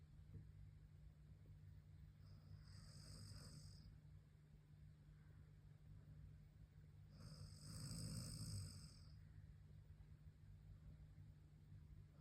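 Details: Sleeping dog (tagged golden retriever) snoring: two soft, breathy snores about four seconds apart over a steady low background hum.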